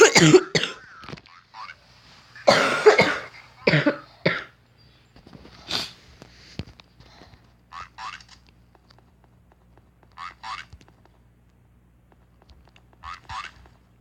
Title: 스솔 공방전!기침 죄송...